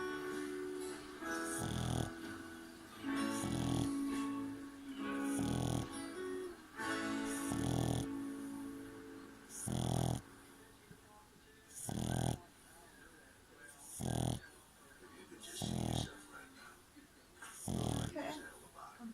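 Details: French bulldog puppy rolled onto his back asleep, rhythmic snoring at about 30 breaths a minute over background music: snoring.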